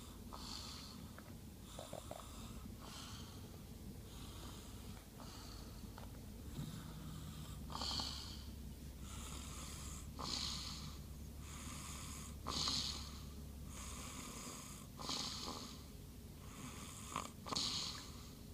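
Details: Snoring after swimming: rhythmic rasping snores with noisy breaths, roughly 25 a minute, over a steady low room hum.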